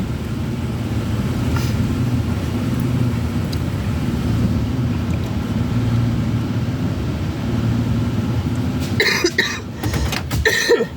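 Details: Adult man with flu coughing, heard from inside a van over steady engine and road rumble on an icy road: a short run of about three harsh cough bursts.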